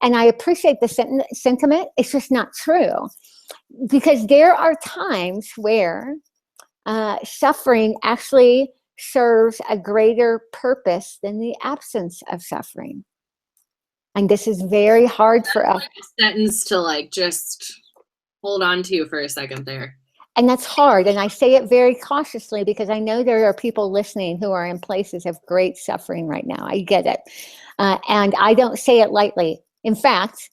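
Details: Lisp in an adult woman after losing her tongue (glossectomy); she describes the lisp as very obvious to herself and others.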